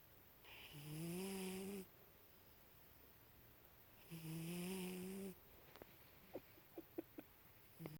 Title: my cat sleeping and snoring with his eye open